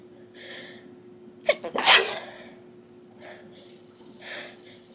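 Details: One of a series of about 10 sneezes: a single sharp sneeze with a quick indrawn breath and brief catch, followed by soft breathing in a quiet room.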